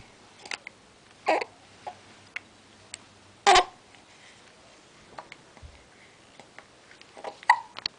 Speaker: hiccups again.